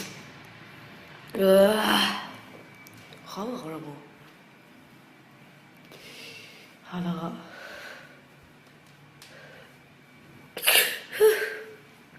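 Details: Young Japanese woman sneezing in a quiet room, saying her nose itches: sharp gasping intakes and bursts ending in two quick sneezes close together.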